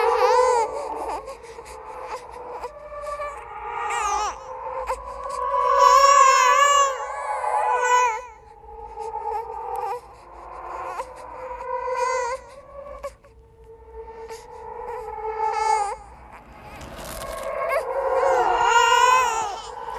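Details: Simulated "ghost baby" horror sound effect: repeated high wailing baby cries with whimpers and short pauses; infant cry.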